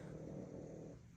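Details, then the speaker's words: Loud snoring from a very old pug dog, recently vomiting pieces of a hard dental stick; snoring. "So that's been my drama with my little grumble that you can totally, I'd be shocked if you couldn't hear that snore, because there's quite the snore going on."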